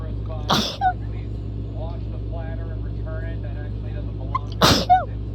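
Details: Two powerful sneezes from two separate fits joined together, about four seconds apart, each sharp and forceful with a brief voiced end, over steady engine hum.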